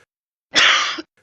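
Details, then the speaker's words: Loud, hollow, harsh explosive barking cough, a single burst; classic in croup or an irritated trachea. "Barking cough - loud and hollow. Classic in croup or"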